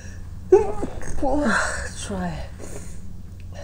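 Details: Person trying to stifle and hold back sneezes but failing: a muffled, held-back sneeze with a sharp onset and a breathy release in a quiet room; stifled sneezing.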